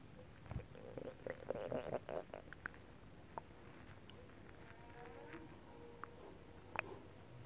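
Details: After eating a whole pot of Japanese stew, during belly rub and oil massage, faint TV in background: soft bubbling, popping gurgles with brief squeaky tones; stomach rumbling (borborygmi).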